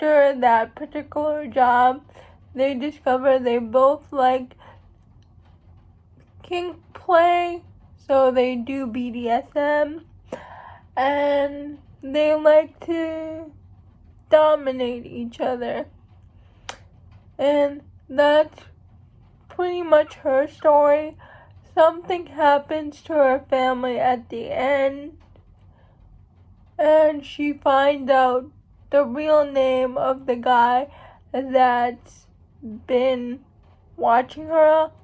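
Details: Speech of a young woman who states she has cerebral palsy; speech in cerebral palsy (possible mild dysarthria).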